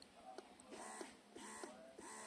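Quiet, regular mechanical whirring and clicking cycles about every 0.6 seconds, the sound of an electric breast pump running.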